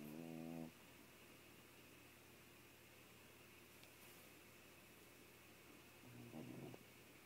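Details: Very loud, chainsaw-like snoring heard on waking in the morning, coming from a pet sleeping with its head buried against the owner.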